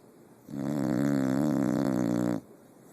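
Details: A single loud, buzzing snore lasting about two seconds on one breath, rattling and steady in pitch: snoring.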